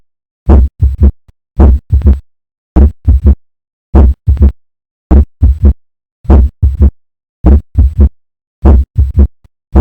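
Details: Slow regular heartbeat near 51 a minute with a soft extra sound just after the second heart sound: early diastolic murmur.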